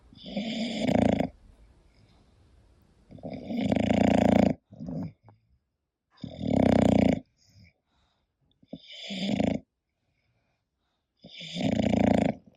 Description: hii, it's Koda, my english bulldog sleeping and snoring, this relaxing video and sound is for everyone and obv for bulldog lovers!